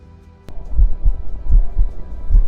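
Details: Wireless smart stethoscope prototype (Intelliscope) streaming heart sounds alongside ECG: low, dull paired heart thumps at a steady rhythm, about 70 beats a minute.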